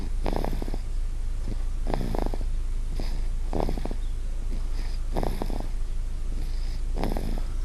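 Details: Loud snoring in a 1-year-old girl: repeated short, rattly snoring breaths, about one every one and a half seconds, over a steady low hum.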